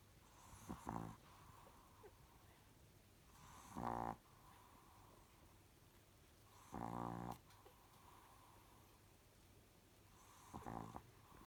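Four soft, rattling snores on inbreaths, about 20 a minute, with quiet room noise between them.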